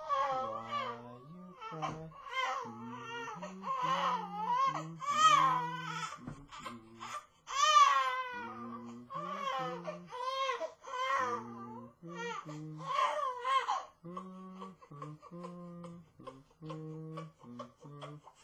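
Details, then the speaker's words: Two-month-old baby girl crying in repeated rising wails while an adult sings softly, not settling her; refused formula bottle, probably wants breast milk; infant crying. "welcome to the baby show and today we're going to be featuring a crying baby she's not very happy but we're going to try to soothe her so that she is a little more comfortable"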